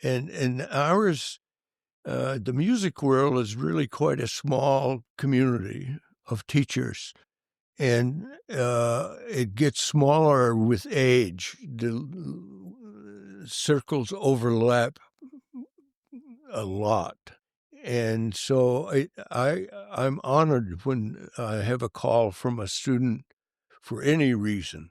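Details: Adult man who has stuttered since early childhood, severely for many years, and still stutters as an adult; stuttering.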